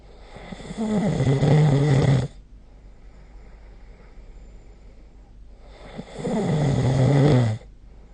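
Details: Snoring recorded with the SnoreLab app during sleep: two loud, rough snores about five seconds apart with quiet breathing between, roughly 11 to 12 breaths a minute.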